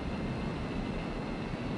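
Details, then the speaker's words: Steady low, rushing roar like a distant plane engine: normal brain electrical activity recorded through implanted deep-brain electrodes and played as sound, for comparison with a mentally ill patient's misfiring-sounding brain. "That sound we're hearing now is coming from the normal brain."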